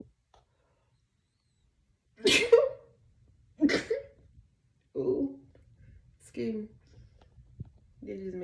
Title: Love my locs😩💛#sumbody being nosy cuz I’m just sneezing away🤣🤨🤧